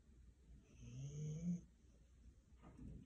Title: Snoring husky 😂😂😂